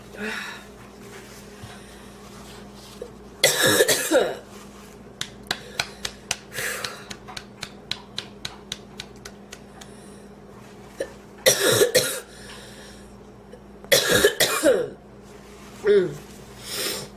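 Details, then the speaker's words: Coughing fit after inhaling part of a sandwich while eating: repeated forceful coughs in clusters with gasping breaths between. Afterwards she feels food still in her windpipe and is lightheaded. "i haven't had a coughing fit like that in a long time i thought i was going to choke to death before i put the camera on"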